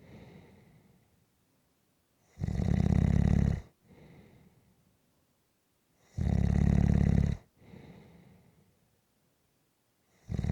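Loud, rough snores on each inward breath, each followed by a softer outward breath, about 15 breaths a minute; heavy sleep snoring.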